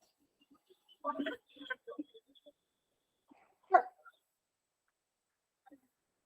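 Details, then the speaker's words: Child with a hoarse, inflamed-larynx cough: a few harsh, low, hoarse barking coughs, likened to a dog's or seal's bark; croup-type barking cough. "Alguns chamam de tosse de cachorro em alguns lugares parece uma chama de tosse de foca porque tem esse tipo de mais mais grave né da voz"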